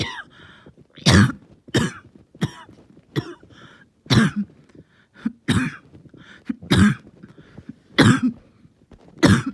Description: This one hurt and lasted a long time, but I feel like I stayed pretty calm